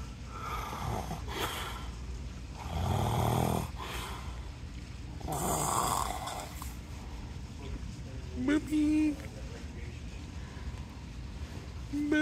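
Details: Person snoring on a beach trip: low, rough snoring breaths about every 2.5 seconds under room noise, brief child's voice; snoring.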